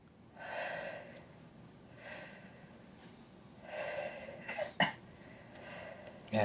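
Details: Adult patient auscultated with a stethoscope on the back: slow, deep breaths in and out through an open mouth, no wheeze or crackle; chest clear.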